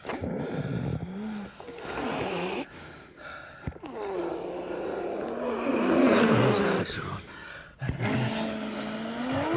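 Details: Loud, rough snoring breaths with groaning tones and brief pauses, in a quiet room: postictal stertorous breathing in a woman after a grand mal tonic-clonic seizure lasting about 45 seconds, with tongue bitten.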